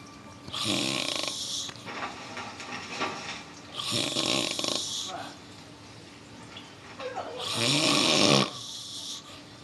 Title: Fat Man Snores